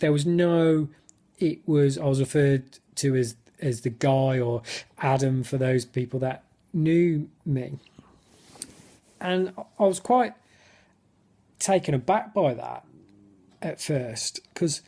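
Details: Adult who stammers, speaking spontaneously in an excited football fan interview where his speech technique lapsed; he notes many blocks and clearly overt stammering; stuttering.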